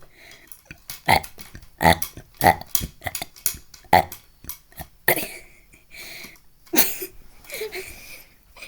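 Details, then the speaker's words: A series of short, rough burps in quick succession, then a few longer ones; repeated belching. "shut up stop burping this"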